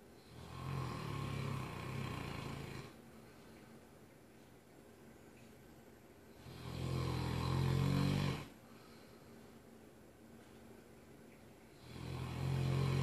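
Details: Mastiff dog snoring from across the room: loud, deep rattling snores on each in-breath, about five breaths a minute, with quiet out-breaths between; ordinary heavy snoring.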